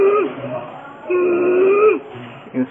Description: Inspiratory Stridor of carcinoma larynx patient , Patient was immediately undergo for Tracheostomy operation & pt get relieved from breathlessness at Chittagong medical college .